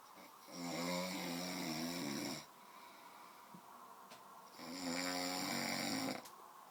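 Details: Younger brother in deep sleep, not woken even by a slap, snoring heavily: two loud, rattling, drawn-out snores on inhaling, about four seconds apart, with quiet breathing between.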